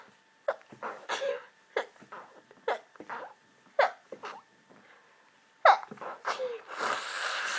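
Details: Hay fever keeping the person awake at night: a run of about eight short, abrupt sneezes in quick succession in a quiet room; sneezing.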